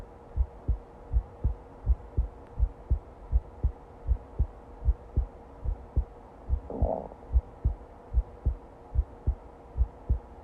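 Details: Long normal heartbeat recording: steady paired lub-dub beats at about 80 beats per minute, with a faint background hum and a brief rustle.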